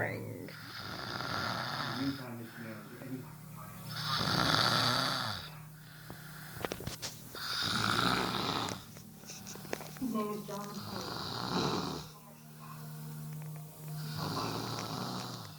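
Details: A brother asleep snores loudly and roughly on slow breaths at about 19 a minute, with faint television or voices in the background.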